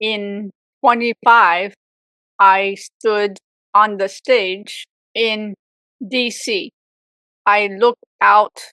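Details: Adult woman, real stroke survivor, with aphasia for 18 years after a severe stroke at age 44, also reporting apraxia, after speech therapy; aphasia.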